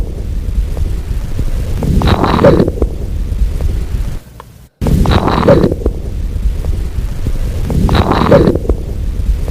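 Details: Late-inspiratory squeak: brief high-pitched squeak at the end of each inspiration on breath-sound auscultation with a stethoscope, heard over heavy stethoscope rumble.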